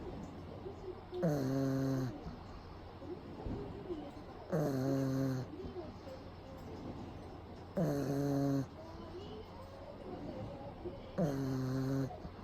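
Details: Pug dog napping with eyes rolled back, loud, rattling snores, steady and regular, about 18 a minute.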